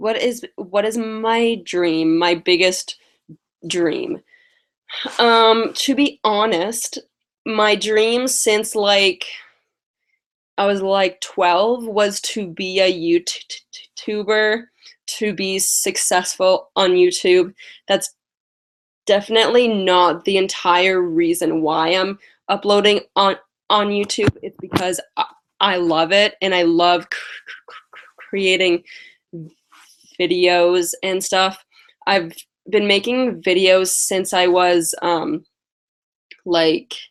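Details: Adult woman with lifelong stuttering, past speech therapy, mostly blocks, especially on vowel-initial words and on 't' and 'c' words; has a cold and is tired; stuttering.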